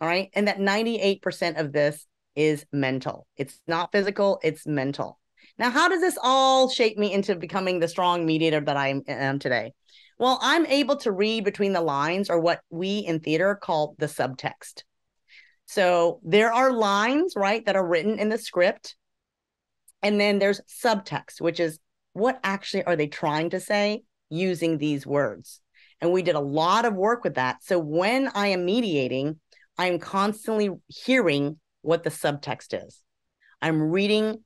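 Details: Adult woman speaking; normal speech.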